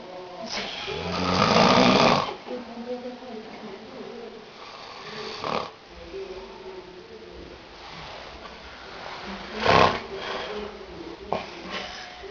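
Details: Friend hungover after a São João party, jokingly said to snore like a tractor: loud rattling snores, the first long and drawn out, then shorter irregular ones, with faint music in the background; snoring.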